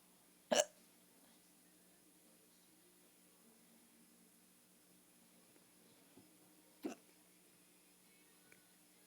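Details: Two sharp, brief hiccups about six seconds apart in a quiet room with faint background hum, from a person described as drunk; hiccups.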